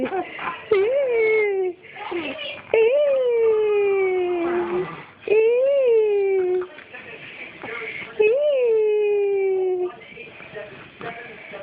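Repeated wailing infant cry in strong rising-falling bursts of one to three seconds, separated by brief catch-breaths.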